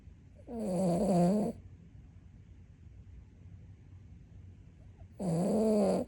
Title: Dorg snoring for 31.9 seconds